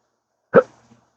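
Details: A single sharp, abrupt hiccup from a person with daily hiccup episodes lasting up to 12 hours since a 2015 surgery causing nerve damage. The episodes are unresponsive to treatments and worsen with talking.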